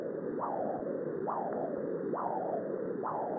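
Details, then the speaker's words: Functional transcranial Doppler ultrasound: rhythmic whooshing pulses, each a sharp rise easing into a softer trailing flow, about 68 a minute; the middle cerebral artery signal once located. "once the MCA signal is located reduce the power as much as possible while still maintaining a good signal"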